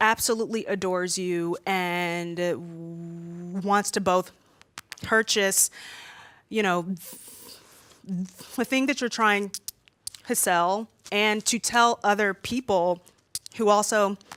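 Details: Stuttering in a woman who says she stutters a lot more when nervous in front of a room full of people.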